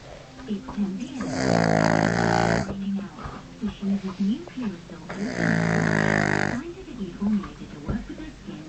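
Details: Dog sleeping with head back and mouth open, snoring: two long, loud vibrating snores with squeaky, whistling breaths in between.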